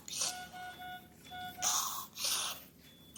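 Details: Biphasic stridor with absent voice (glottic web).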